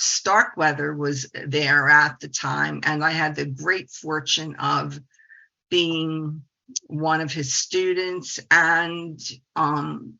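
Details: 68-year-old woman, a speech-language pathologist who stutters, says the stuttering support community changed her life 25 years ago; stuttering.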